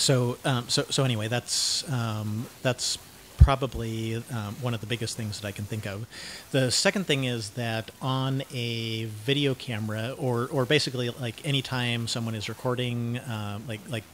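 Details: Cluttering, self-described syntactic subtype, in a 49-year-old man.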